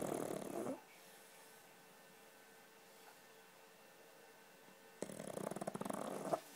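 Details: Two raspy, fluttering snoring breaths from a pug dog, about four seconds of quiet between them, the second with a rapid rattling quality; snoring.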